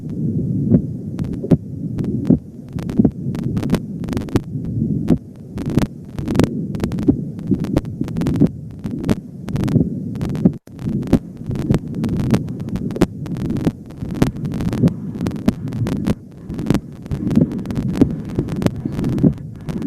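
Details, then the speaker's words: Steady, repeating heart sounds through a stethoscope with a soft hum, from an Indonesian nursing physical-exam lesson; S2 marks the start of diastole, and split S2 is discussed as changing with breathing. "jadi tadi Kalau split itu bunyi S2 itu sedikit menghilang pada saat Pasien itu bernapas"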